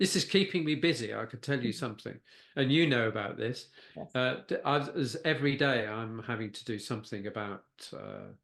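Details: Post-stroke aphasia with word-finding difficulty in a man who had a stroke at age 69, a brain bleed affecting Broca's area.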